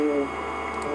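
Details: Through a stethoscope, a person saying "e" comes through as a nasal "a" over loud, staticky background noise: positive egophony, indicating lung consolidation.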